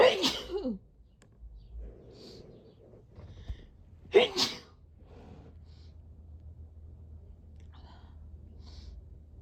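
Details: Natural sneezes from a self-described aggressive sneezer, recorded over a week: two sharp explosive sneezes a few seconds apart, with quiet breathing and faint room noise between.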